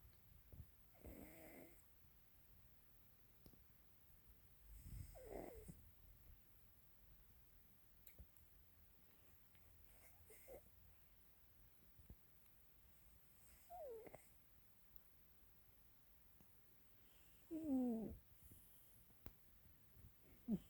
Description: Profile of my cat 'YuSo' snoring.